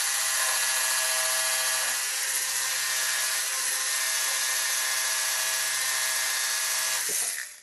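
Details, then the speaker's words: Continuous high-pitched buzzing motor with a grinding, filing texture: a powered bone rasp, shown as rhinoplasty equipment, filing bone in a demonstration until a sharp edge becomes rounded. "но работает рашпиль стачивают Кость и краю сок острый у меня стал уже скругленный"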